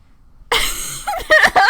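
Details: Adult who says they are a little sick: after a short silence, a harsh, rough throat clear that trails into brief voiced sounds.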